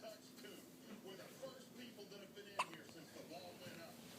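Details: A baby with hiccups after drinking milk: a single sharp hiccup over steady background talk and room noise.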